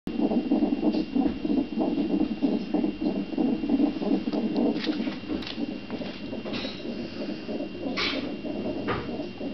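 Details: CTG recording of a fetus just before birth: rapid whooshing Doppler heartbeat at about 190 beats a minute, faster than the usual fetal range; fetal tachycardia.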